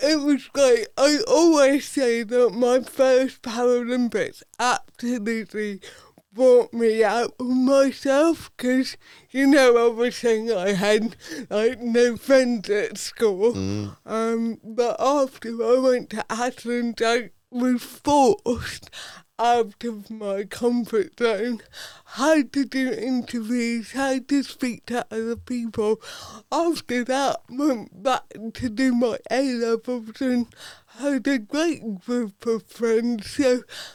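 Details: Adult woman, Paralympic dressage rider, with athetoid cerebral palsy that affects her speech; real, not acted; dysarthria due to athetoid cerebral palsy.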